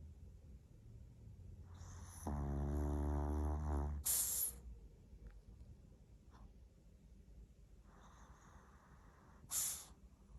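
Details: Small sleeping Maltese dog: low, buzzing, fluttering snore, then snorting, sniffing breaths; snoring.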